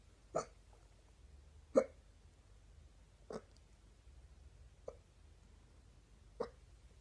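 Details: Stubborn morning hiccups: five short, sharp hiccups at an even pace, about 40 per minute, over a quiet room hum.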